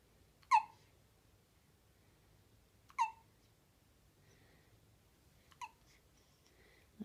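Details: Small animal, Vega, with hiccups and jumping: quiet, sharp squeaky hiccups, three to four in seven seconds.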